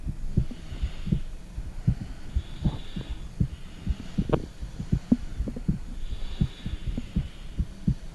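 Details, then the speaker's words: Adult woman recording her own heartbeat with her phone, microphone on her stomach: soft, low thumps at about 80 a minute, somewhat irregular in spacing, over a steady hum, with gurgling noises. "I'm going to be using my phone to take my heartbeat."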